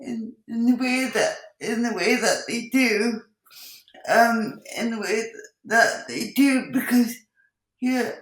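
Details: Dysarthria in an adult woman with cerebral palsy, who also has involuntary movements and uses a wheelchair.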